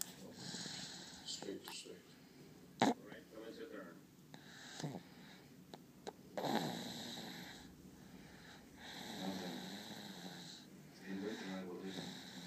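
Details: Irregular snorting, rattly breaths with some whistling against faint room noise; a sleeping pet, Aria, snoring.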